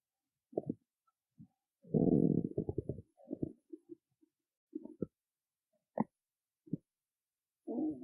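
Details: Stomach growling in a hungry person who did not eat before a performance: low, irregular gurgling rumbles and short squeaks in a quiet room, ordinary empty-stomach bowel sounds.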